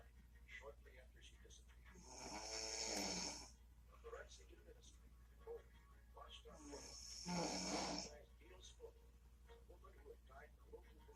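Two long, rough, rattling breath sounds about five seconds apart over steady low room hum: snoring.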